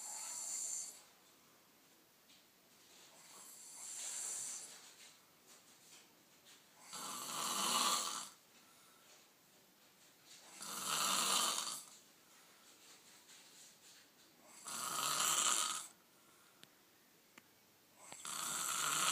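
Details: Person snoring, still going 8 hours later: regular, hissing, airy snoring breaths about every four seconds, roughly 15 a minute, with quiet gaps.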